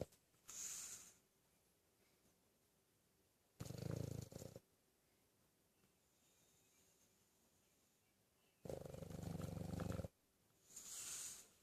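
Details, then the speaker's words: Sleeping dog snoring with loud, rough, low rattling snores on each inward breath about every five seconds and softer hissing breaths out, before being woken; snoring. "Hey, wake up, buddy. Hi. You were snoring."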